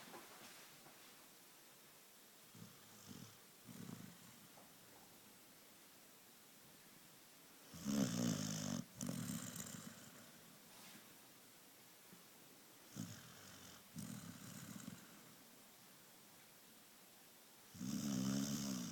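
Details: Sleeping springer dog, relaxed: irregular snuffling, rumbling snores with a few louder rattly breaths between quiet stretches; snoring.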